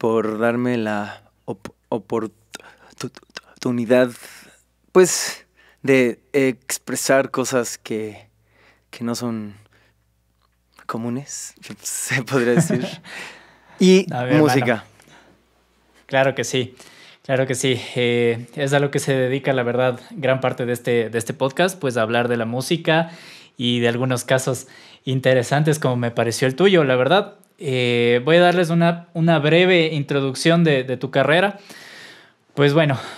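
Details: Stuttering in a Mexican male singer who has stuttered since early childhood and cannot remember speaking without blocking; he reports no stuttering when singing and stuttering less when drunk.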